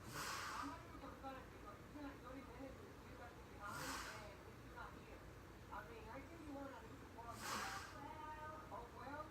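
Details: Heavy breathing while asleep: slow, noisy breaths with a loud hissing breath about every 3.5 seconds, roughly 17 a minute, over a steady background hum: heavy sleep breathing with snoring.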